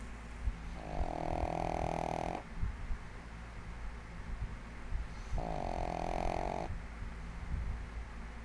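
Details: 1.5-year-old female pug sleeping soundly on her bed: two long, buzzing, rattling snores on the in-breath about three seconds apart, with quiet breathing between; snoring.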